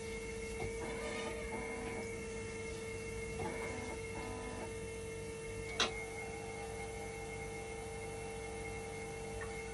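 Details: Hemodialysis machine running in dialysis mode during a repair test for a "5 V and level detector always failed" fault, before calibration: constant hum and steady tone, a few pump-like pulses and one sharp click.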